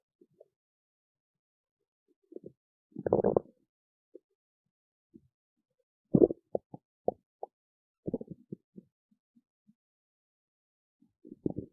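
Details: Irregular low gurgles, pops and rumbles from an adult's stomach: stomach growling, borborygmi.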